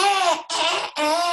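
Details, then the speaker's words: Adult imitating a newborn's gas or colic cry: three short, strained, high wailing cries of a baby with a bloated, uncomfortable tummy from gas, which stimulates the gag reflex. Not a real infant. "quand il a mal au ventre quand il a des gaz ben bekou nous avons un des gaz à l'intérieur c'est gonflant n'est pas bien on est inconfortable et du coup ça va stimuler un peu notre réflexe nauséeux"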